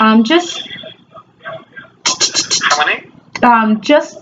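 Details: Real telephone call by a woman who stammers; stammering (stuttering).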